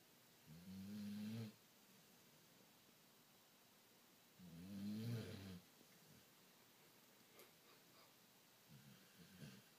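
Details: Sleeping young son snoring: two long, low, buzzing snores about three seconds apart, then quiet breathing.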